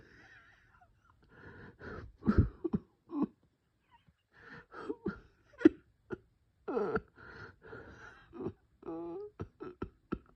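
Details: Bronchospasm with cough and wheeze.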